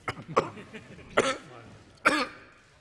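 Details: Adult man coughing fit while speaking in parliament about the coronavirus's economic impact, later isolated awaiting a coronavirus test result: a run of four short, harsh coughs and throat clears in under three seconds.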